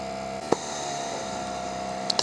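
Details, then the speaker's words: Kingon P2 portable oxygen concentrator switched on and warming up, steady machine hum with faint high whine and soft clicks; it reaches maximum oxygen output only after running at least 10 minutes. "so these devices like all oxygen concentrators will start by warming up its oxygen s its filter they don't start to produce the maximum amount of oxygen until P have' been running for at least 10 minutes and that SI has warmed up to around 30"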